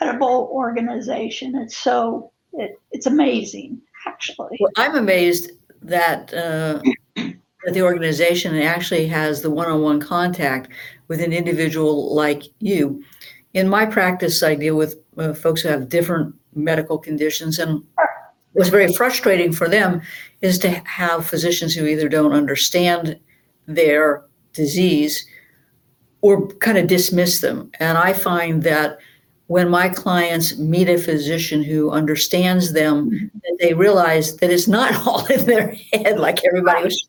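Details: Adult speaker, likely female; normal speech.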